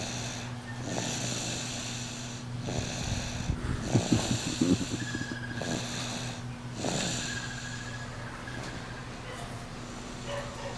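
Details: Loud, rough snorting snores in irregular bursts over a steady background hum; heavy snoring.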